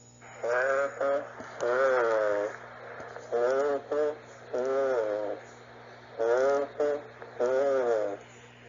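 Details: Teaching example of whispered pectoriloquy over consolidated lung: spoken or whispered syllables come through the chest wall loud and distinct.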